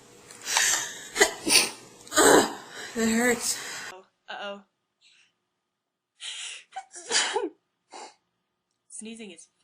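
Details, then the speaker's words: Several sneezes from women, some with a quick gasp before them and a few voiced sounds between; one says she just sneezed twice. Ordinary sneezing. "I'm gonna sneeze. Excuse me. Chance to really sorry. I just sneezed like twice."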